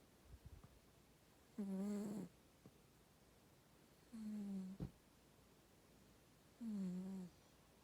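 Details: Cat snoring while asleep: three soft, tonal, buzzy snores about two to three seconds apart in a quiet room.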